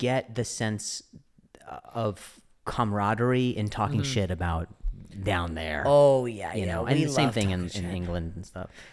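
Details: Adult male comedian who stutters, speaking in podcast conversation; stuttering.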